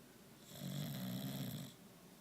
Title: Finn the Snoring bulldog